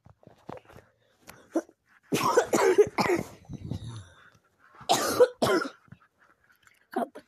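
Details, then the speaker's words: Frequent cough in a person who is sick in bed, attributed by themselves to allergies: several short, harsh coughs in two clusters with throat clearing between, in a quiet room. "if you guys hear me coughing a lot this is a disclaimer right here allergies"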